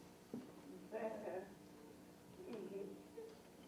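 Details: Woman after a severe brainstem stroke, with dysarthria and vocal folds bouncing back and forth on examination; vocal fold myoclonus with dysarthria.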